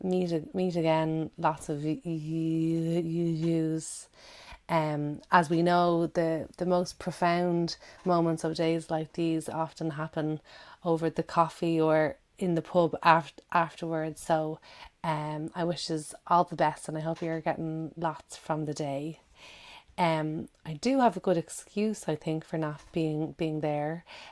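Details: Adult woman who stammers, with audible word and syllable repetitions; stammering.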